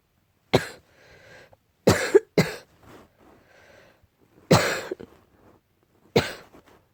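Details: About five sharp, harsh coughs, some doubled, with brief breaths between; barking cough attributed to cat allergy.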